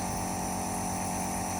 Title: how to use compressor nebulizer machine| How to use Nebuliser | Otica Nebulizer ONEB-11